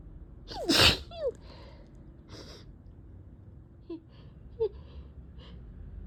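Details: Repeated sneezing in a person allergic to cats, with a sore throat and eyes barely able to open: a loud burst sneeze followed by softer sniffs and small catches of breath.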